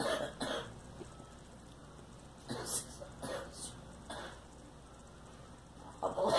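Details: A girl gives several short, light coughs and throat-clearing bursts at irregular intervals over faint room noise. Cough.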